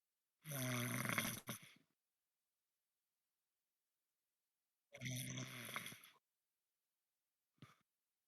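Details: Heavy snoring: two loud, rough, rattling snores about four seconds apart, then a brief faint snort, in a quiet room.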